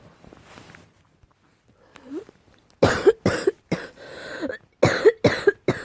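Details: A quick run of six or so harsh, loud coughs with a hoarse, barking edge, attributed to cat allergy; allergic barking cough.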